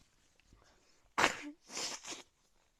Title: Sneezes after raining